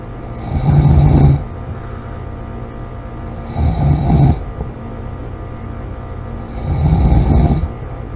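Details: Loud rattling snores on each breath in, about 20 breaths a minute, over steady background hum.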